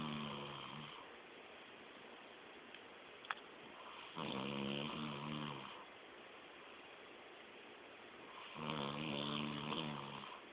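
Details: Adult man passed out asleep at a friend's, snoring like a chainsaw. Two loud, rough, rattling snores on breathing in, separated by quiet breathing and a faint click: snoring.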